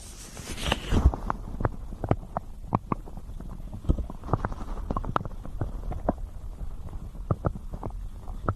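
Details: Real stomach growling recorded for ASMR alongside ear massage sounds: irregular low gurgles, pops and bubbling clicks over a soft rumble, with a brief rustling burst at the start: borborygmi.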